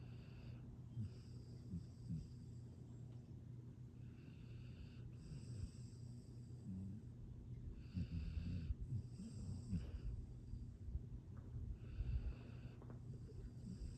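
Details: Astrid, a happy sleeping girl, snoring: steady low rumbling snores with soft snorts repeating every few seconds as she breathes in sleep; ordinary snoring.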